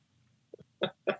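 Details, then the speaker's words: A brief, soft imitated sneeze in a comedic sneeze-off: a small catch of breath, then two short voiced bursts, likened to a dog sneezing. "that was that bad it's a dog sneezing or something"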